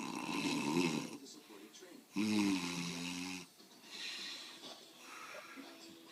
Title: My dad snoring (with commentary)